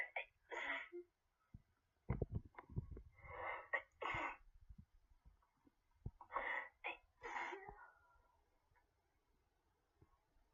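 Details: A run of several sharp sneezes with quick inbreaths between them, in a quiet room; sneezing attributed to pollen allergy.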